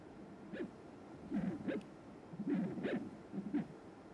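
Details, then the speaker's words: Pulsed-wave tissue Doppler at the mitral annulus during transthoracic echocardiography, sample volume aligned parallel to annular motion; rhythmic low whooshing signal with each beat showing isovolumic contraction peak, systolic velocity, isovolumic relaxation, e′ early diastolic and a′ velocities. "you can see here the velocities of the mitral annulus so here is the peak of the isovolumic contraction here this the systolic velocity"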